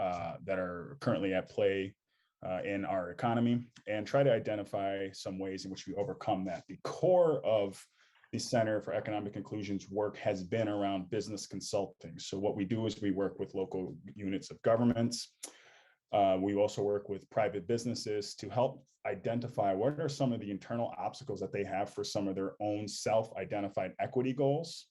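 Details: Adult male speaker; normal speech.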